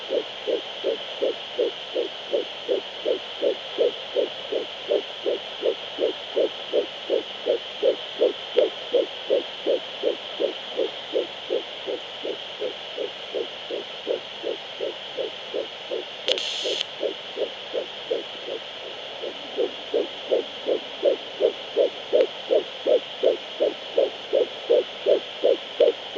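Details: Fetal heartbeat on Doppler at 11 weeks 5 days of pregnancy: rapid, regular whooshing pulses at about 160 per minute.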